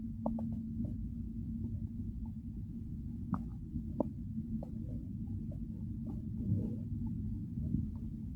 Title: 从饥饿到饱食到腹胀到拉粑粑的全过程，饥饿腹鸣音片段From Hunger to Overfull | Real Stomach Growls, Bloating & Digestive Journey